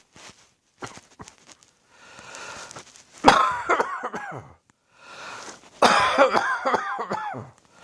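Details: A person coughing during their first, heavy cold of the winter with a sore throat: two harsh coughing bouts with a rough, wheezy tone.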